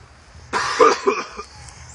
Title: Coughing up that Spice off that GasMask